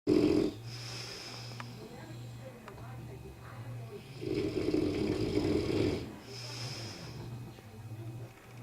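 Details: Sleeper whose loud snoring keeps them in a separate room: low rumbling snore with louder fluttering breaths at intervals.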